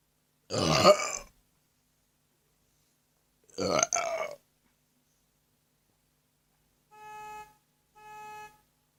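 Two loud, throaty belches, then two short steady tones like a beep or instrument note; quiet room.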